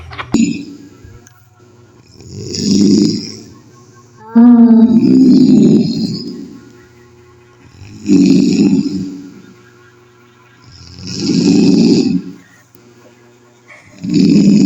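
Loud, rough, rumbling snores repeat about every 3 to 4 seconds, roughly 16 a minute. Heavy snoring.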